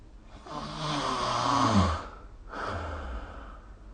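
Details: Snoring during sleep recorded with the SnoreLab phone app: a loud, rattling inhaled snore with low fluttering vibration, then a softer, breathy exhaled snore.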